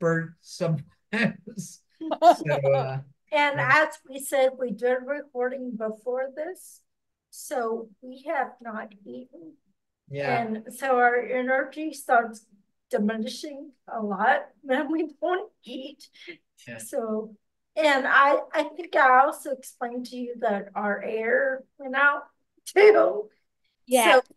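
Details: Speaker with ataxia (the episode discusses Friedreich's ataxia) who has worked on pronouncing words; ataxic dysarthria.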